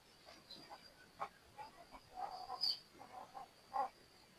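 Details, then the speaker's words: Four-month-old large hen, not yet laying, sick for one day with flu-like breathing trouble, weak and listless, possibly from a dirty coop: short, irregular croaking rattles with each breath, a snoring/rattling respiratory sound. "Mungkin ada para suhu-suhu di sini yang tahu tentang ayam yang ngorok ya. Kasih tahu aja gua belum tahu ya."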